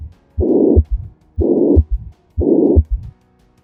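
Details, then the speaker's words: Simulated patient who had rheumatic fever as a child: regular heartbeat about 60 a minute, high-frequency blowing murmur filling systole, radiating toward the axilla; classic mitral regurgitation murmur. "with radiation of the murmur toward the axilla the murmur is high in frequency primarily because blood is flowing from the high pressure left ventricle to the low pressure left atrium"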